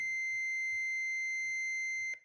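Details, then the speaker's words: AED power-on tone in a CPR/AED training demonstration: a steady, high single tone lasting about two seconds as the defibrillator switches on, on opening the lid or pressing the on button, before the pads are applied. "some aeds will automatically switch on when the lid is opened other aeds require an on button to be"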